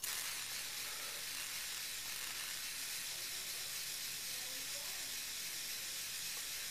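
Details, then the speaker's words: Ethyl chloride vapocoolant spray on the skin for about 5 seconds from six inches, before a lateral-approach knee joint viscosupplement injection for osteoarthritis with a 22-gauge needle: steady hissing spray. "for skin uh anesthetic we're going to be using an ethylchloride spray we'll spray the skin for approximately 5 Seconds about six inches away from the"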